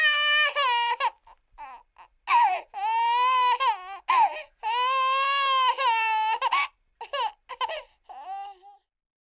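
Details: Infant crying in bursts of high, wavering wails with short pauses and softer whimpers between, in a quiet room.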